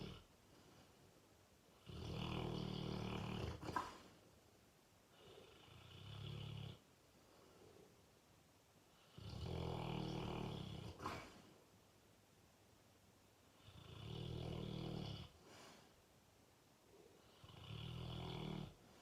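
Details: Full-grown male Fox Red (Ruby) Labrador snoring loudly while asleep: loud, regular rumbling snores on each inhalation with softer exhalations, about 12 breaths a minute; he often wakes himself up snoring.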